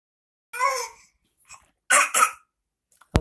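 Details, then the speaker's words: A young boy gives a few short, forced coughs and throat-clearing sounds, a playful put-on cough. "అబ్బో అంత దగ్గు వస్తుందా నీకు?"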